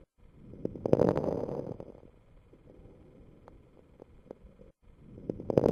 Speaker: while fine crackles can be heard in normals particularly after special maneuvers such as factor breath holding at low lung volumes they are usually a sign of disease